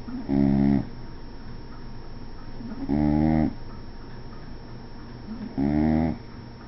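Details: Three loud, buzzing, tonal snores about 2.7 seconds apart, roughly 22 a minute, with quiet breathing between: steady snoring during sleep.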